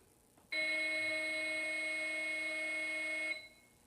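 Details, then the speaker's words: Training AED during adult/child CPR-AED demonstration, after pads attached and rhythm analyzed: voice prompts shock advised, charging, stand clear; steady high electronic tone about three seconds signalling charged and ready to shock. "Shock advised. Charging. Everyone stand clear."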